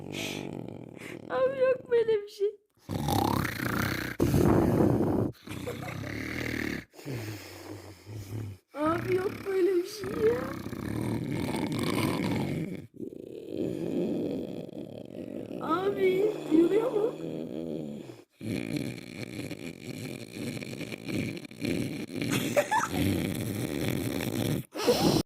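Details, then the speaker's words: Grandfather snoring during sleep, filmed to prove that he snores: loud, rough, rattling snores with snorting, voice-like sounds in an irregular rhythm. "Evet arkadaşlar da uyurken horladı na inanmıyor onu inandırmak için video çekeyim dedim"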